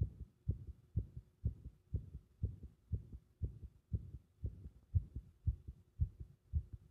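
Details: Compressed (muffled) heart sounds with arrhythmia: fast heartbeat near 118 a minute with uneven spacing between beats, an irregular rhythm.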